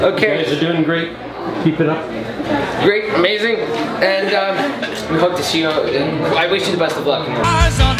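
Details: Young speaker; normal voice.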